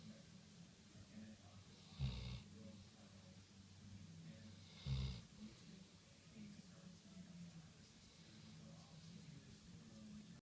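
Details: Golden retriever dog snoring while being petted: two short snorting snores about three seconds apart over a low steady background hum; light snoring during sleep.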